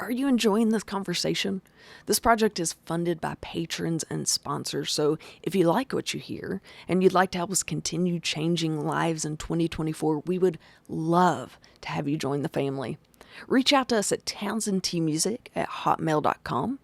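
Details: Adult speaker; typical speech.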